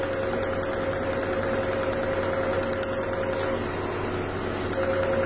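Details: Continuous machine hum with fast repeating clicks, roughly 200 a minute: an Enlighten PICO picosecond laser firing during tattoo removal treatment.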